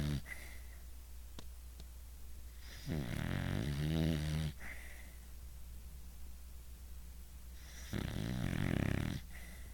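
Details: Dog snoring loudly while asleep: loud, fluttering snores on each in-breath, about every five seconds, over a steady background hum; snoring.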